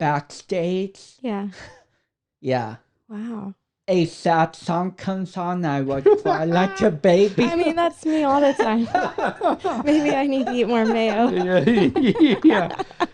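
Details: Dysarthria in a 32-year-old man with cerebral palsy, which he says affects his speech coordination and walking.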